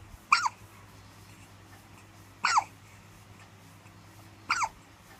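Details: A baby with the hiccups.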